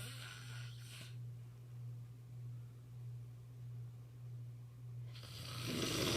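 Rough, rattling snoring breaths separated by a quiet pause of several seconds, with a steady low hum behind.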